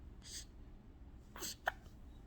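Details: Hiccups just after waking up happy: two short, abrupt breathy catches with a sharp click against quiet room noise.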